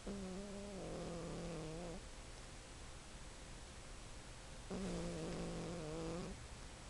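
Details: 15-year-old cat snoring while asleep: two drawn-out, slightly tonal snoring breaths separated by a quiet pause. Ordinary snoring.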